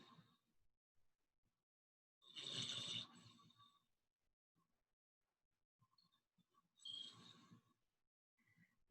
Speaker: can you hear him i love the snores i have to admit i love when he